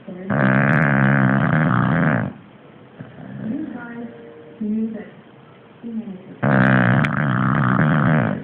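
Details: Two long, loud, rattling snore breaths with quieter noisy breathing and grunts between them; snoring.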